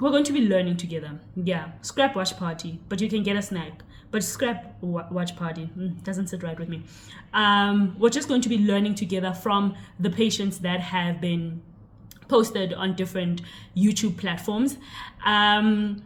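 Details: Adult woman speaking; normal speech.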